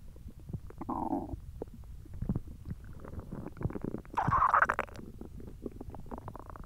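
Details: Hungry belly: gurgling, rumbling bowel sounds with a louder growl near the end; ordinary hunger stomach growling (borborygmi).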